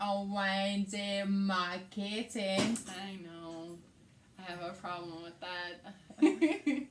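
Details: Adult woman with aphasia, also affecting reading and writing, and right-side hemiparesis after a hemorrhagic stroke on May 19, 2020 requiring brain surgery; aphasia.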